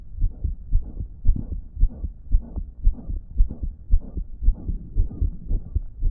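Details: Fast, regular heartbeat near 113 a minute with a loud blowing sound between beats; phone recording of the person's own damaged heart on a day it was not pumping effectively; loud heart murmur.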